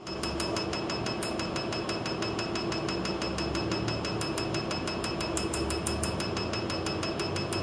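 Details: First tattoo removal session, laser treating a large wizard tattoo on the left arm, hurting less than the smaller one: rapid steady sharp snapping clicks, about three a second, over constant machine hum; tattoo removal laser firing.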